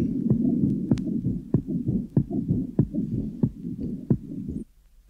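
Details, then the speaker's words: Tricuspid stenosis with associated tricuspid incompetence in a 14-year-old girl: heartbeat about 95/min with low rumbling diastolic murmur; diastolic murmur increases markedly on inspiration, its first part becoming higher pitched and squeaky. "here is another example of tricuspid stenosis with Associated incompetence in a 14-year-old girl the diastolic memma in particular increases marketly on inspiration and the first part of the memma becomes higher pitched and rather squeaky"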